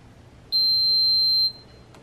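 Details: Enteral feeding pump powering on as a 5-year-old child presses the on/off button while setting up a cystic fibrosis patient's feeding tube: one loud, steady, high-pitched beep lasting about a second.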